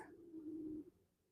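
A low, drawn-out gurgling rumble of under a second, typical stomach growling from gas and fluid moving through the gut.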